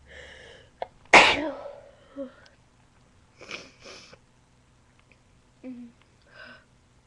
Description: This is me Sneezing with a cold as well as allergies... btw i got a betta mic so this is rlly how my sneezes sound like